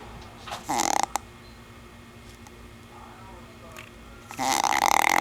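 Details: Two brief, rasping, fluttering snores with a long quiet pause between, from a man (boyfriend) asleep: snoring.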